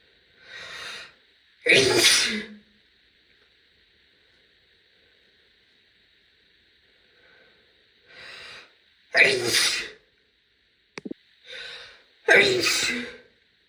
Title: loud female sneeze (F)